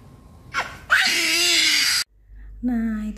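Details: A sharp gasp, then a sudden loud, shrill cry breaking off and a second wailing cry: a 9-month-old baby crying in pain during manual ear piercing with a syringe needle.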